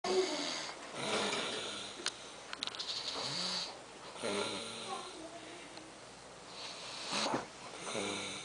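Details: Loud, rough snoring on the in-breath, about three breaths in eight seconds, with quiet pauses between.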